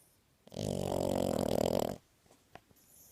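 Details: French bulldog, awake: one long, rattling, throaty snort lasting over a second, a snore-like noise; snoring.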